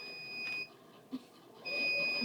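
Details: Repeating high-pitched electronic alarm tones with pauses: IV infusion pump alarm as the pump door is opened on an unclamped, unoccluded line and fluid flows freely onto the floor, in a veterinary assistant training demo.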